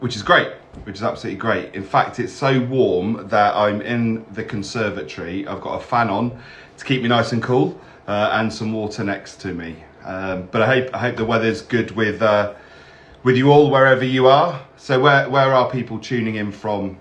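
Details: Adult man speaking; normal speech.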